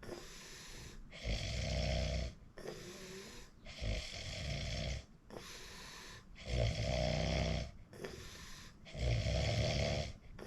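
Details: Person recording their own sleep: loud, rough snores on each breath in, about four in ten seconds, quieter breathing between. Heavy snoring during sleep.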